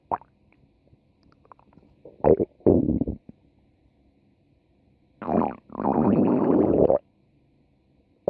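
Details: Stomach growling: loud, drawn-out gurgling growls, two short and two longer, over a faint background hum.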